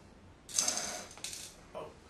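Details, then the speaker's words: Simulated teaching demonstration in a patient reporting pain: after gentle exhalation, a fast, rushing hiss of maximal breath drawn through an incentive spirometer, with a faint rattle as the float rises. "so I want you to Exhale the air out gently put this in your mouth and take as big of a breath as you can"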